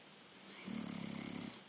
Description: My younger brother snoring!